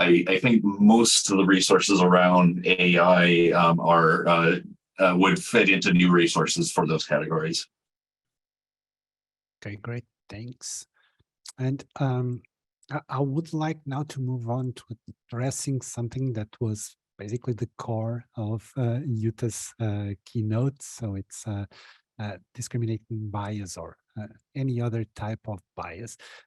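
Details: Woman who says she has a stutter; stuttering.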